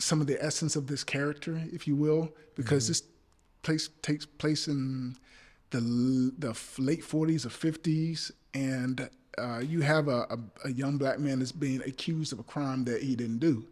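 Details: Adult male actor with a speech impediment who says he stutters, speaking in conversation: stuttering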